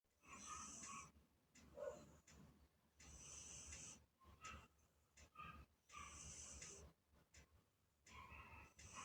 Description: Our British Shorthair Cat Taisia Emerald snores like a real human 😅 Turn up your volume!